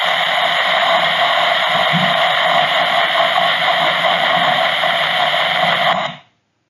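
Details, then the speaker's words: Microelectrode recording during deep brain stimulation surgery for movement disorders: continuous hissing crackle of thalamic sensory neuron firing, rate increasing as the patient's hand is brushed. "here's an example and these red arrows down here represent the firing and you'll hear the increases in rate as we're brushing the patient's uh hand"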